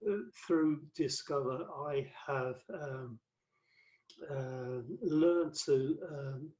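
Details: Adult male with aphasia after a massive 2013 stroke that left him paralyzed; five strokes (2007–2015), cerebral amyloid angiopathy; mainly word fluency, worse when tired or stressed, with reading and writing difficulty; aphasia.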